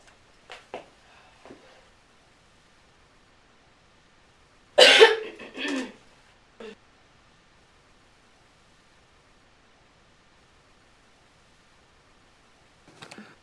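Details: A few soft coughs, then a loud harsh cough and two smaller ones in a quiet room: a coughing bout in a smoker who mentions an inhaler and is offered water.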